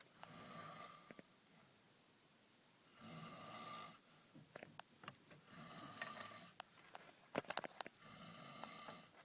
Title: Fujiyoshida, Someone snoring